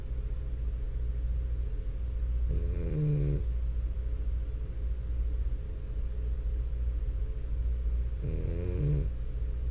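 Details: French Bulldog snoring continuously for about 10 minutes.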